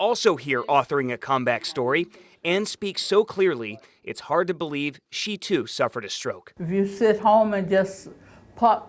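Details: Adult reporter narrating; typical speech.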